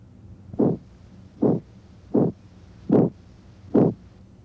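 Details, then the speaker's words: Abdominal bruit heard with a stethoscope over the aorta or renal arteries: soft regular whooshing pulses about 75 a minute; in a hypertensive patient a bruit raises suspicion of renal artery stenosis. "in a patient with hypertension a brewee raises suspicion of renal artery stenosis but most breweries have other causes"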